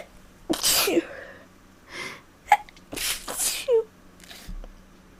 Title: Cuddly Sneezes